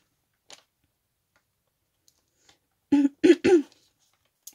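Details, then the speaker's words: Three short, dry coughs in quick succession in a quiet room from a woman pausing mid-speech to cough; an ordinary brief cough. "Voilà, bon bah écoutez, je vous remercie beaucoup. Pardon, petite pause pour tousser."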